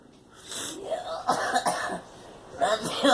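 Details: Girl coughing. Several short, voiced coughs in two quick bursts in a small room.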